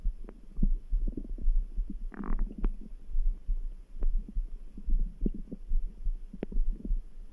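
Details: Stomach grumble: low, gurgling rumbles with a steady thumping background heartbeat of around 70 beats a minute; bowel sounds (borborygmi).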